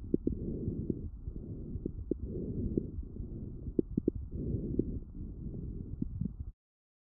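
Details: Lung auscultation recorded with a StethoMe electronic stethoscope, pathology classified by AI: muffled breath sounds with brief, sharp scattered pops, fine crackles, described as characteristic of bronchitis and pneumonia.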